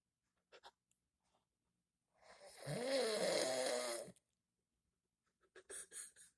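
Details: An adult man, the father, snoring in sleep: one long, rough, fluttering snore lasting about two seconds, with soft breathing before and after; loud snoring.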